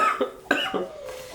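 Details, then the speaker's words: An adult woman, ill for almost 10 days, gives a short cough followed by throat clearing, with her voice audibly affected by the respiratory illness. "euh je pense que 2025 veut ma mort. J'ai vraiment commencé l'année en étant malade et je la termine en étant malade."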